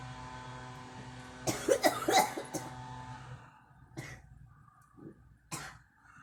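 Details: A girl gives a quick run of about four harsh coughs, then two single coughs, over a steady low engine-like hum.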